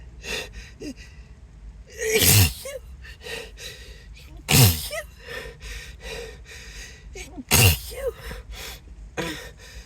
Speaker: oh gosh I just can't stop sneezing God sorry sorry